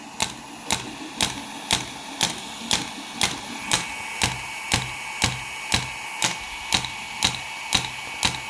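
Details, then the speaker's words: Shockwave therapy handpiece applied to reduce calf muscle tightness and strengthen muscle, started after intensity is set at a particular frequency: regular sharp clicks about two per second over a low machine hum. "তার জন্য intensity set করা যায় একটা particular ফ্রিকোয়েন্সিতে সেটা set করে আমরা এটাকে স্টার্ট করি এইভাবে এটা কাজ করে"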